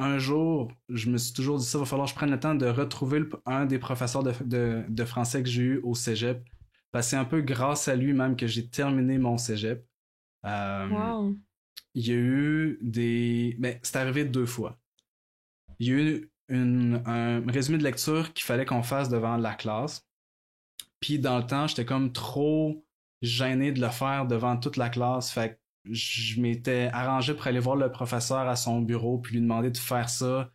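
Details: Adult woman who stutters, a master's candidate in speech-language pathology; word repetitions heard; stuttering.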